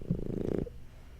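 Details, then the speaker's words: Sleeping dog snoring: a single low, fluttering snore lasting about half a second, then quiet. "I'll in dealing with my dog snoring I hope you can hear him let me get a good get a good snore for you"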